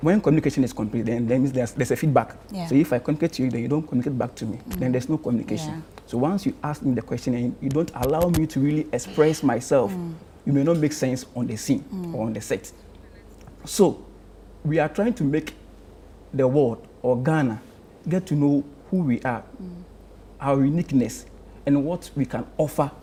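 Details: Adult man who stammers, a member of the Ghana Stammering Association; stammering (stuttering).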